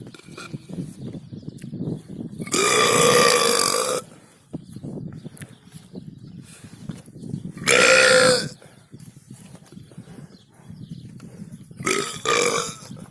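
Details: Cow burping: three loud, long, rasping belches, each one to two seconds, over quiet background sounds.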